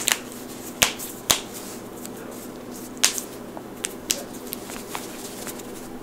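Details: Joint cracking (cavitation) from a compilation of knuckles, necks, toes, backs, wrists and ankles: about five loud, sharp cracks and several softer clicks over quiet room hiss.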